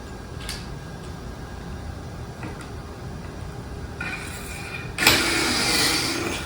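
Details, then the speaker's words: Reverse shoulder arthroplasty demonstration on a sawbones model: after glenoid reaming, a brief high motor whir as a surgical drill bores a small socket for the base plate; surgical drill. "And then there's another one to drill a little socket."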